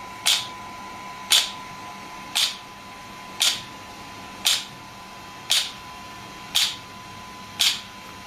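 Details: Shockwave therapy device (SW5S, used for ED and plantar fasciitis) firing eight sharp, regular snapping clicks about once a second over a steady hum, applied with gel while the patient's feet rest on a support.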